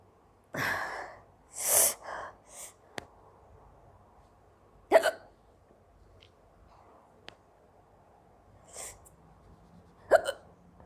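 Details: Hiccups from a young Indian girl who has had them for a long time, also sneezing and coughing: several sharp, abrupt breathy catches at irregular intervals with softer breaths in a quiet room.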